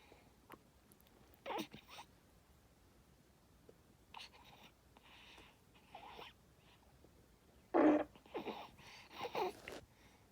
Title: gurgling noises-1